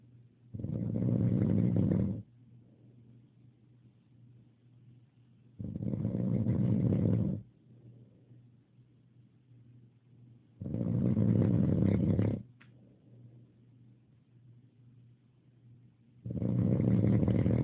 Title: Snore soft